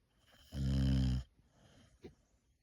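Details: Sleeping female boxer dog snoring: one loud, low, rumbling snore on the in-breath, followed by a faint quiet exhale.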